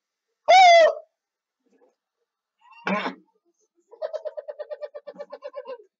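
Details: Simple vocal tics of Tourette syndrome, heard as strange noises cropping up during gaming commentary; the patient states they have Tourette syndrome.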